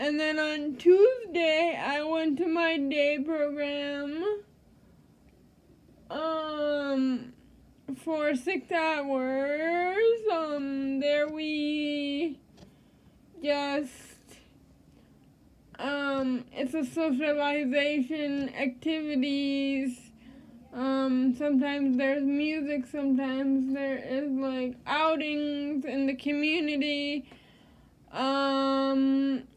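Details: Dysarthria in a female with cerebral palsy.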